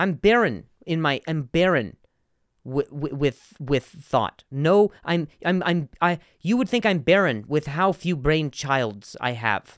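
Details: Adult male comedian who has stuttered for a long time and still sometimes does; sound and word repetitions in this stretch; stuttering.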